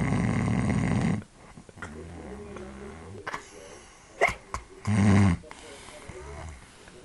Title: Snoring man!!